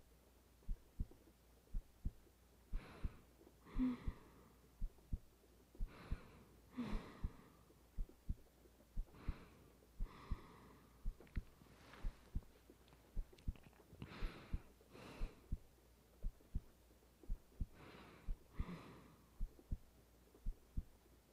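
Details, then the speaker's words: Steady, slow adult woman's heartbeat in an ASMR roleplay with rain; soft paired low thumps about 60 a minute with soft breathy whooshes behind; normal heartbeat. "You get to feel my heartbeat all night. I want to feel yours for a little."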